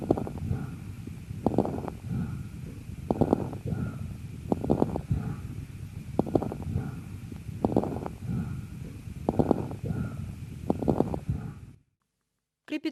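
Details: Lung auscultation after coughing: breath sounds with bursts of fine, crackling pops at the height of each inhalation, typical of crepitation (fine crackles).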